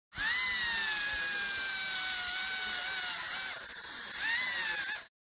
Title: Best Sound Effects Dental Suction And Drill